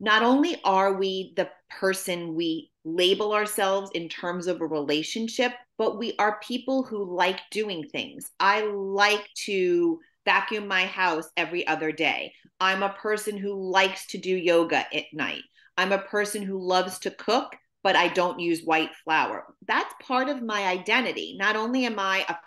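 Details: Adult woman; typical speech.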